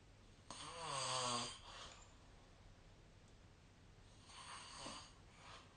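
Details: Sleep snoring recorded with the SnoreLab snoring app: a loud vibrating snore followed by a softer rasping one in a quiet room.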